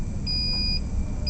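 A sustained electronic beep over low machine hum; the ECMO pump alarms because blood flow is still low.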